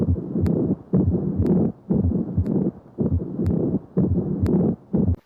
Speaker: a pericardial friction rub occurs when the surfaces of an inflamed pericardial sac rub against each other audibly a rub is most distinct at the apex but maybe heard widely